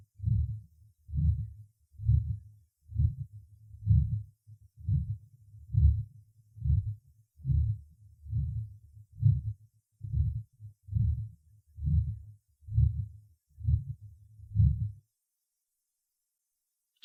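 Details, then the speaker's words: Soft functional systolic murmur at the third auscultation point (pulmonary artery area) in a healthy young patient with vegetative-vascular dystonia; regular heartbeat about 66 per minute. "прослушайте систолический шум в третьей точке аускультации у здорового молодого пациента с вегето-сосудистой дистонии"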